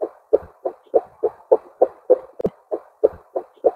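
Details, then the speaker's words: Doppler probe over a neonate's radial pulse in NICU with a manual blood pressure cuff deflating: rhythmic whooshing pulse sounds, about 200 a minute, return, marking the systolic blood pressure. "once your pulsation noise has come back in this is the measurement of your systolic blood"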